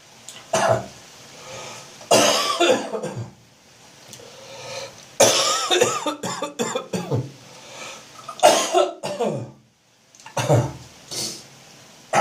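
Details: Adult in the morning gives repeated wet, chesty coughs with throat clearing, hawking, gagging and spitting to clear building phlegm, described as the autumn/winter chesty cough; productive cough with throat clearing.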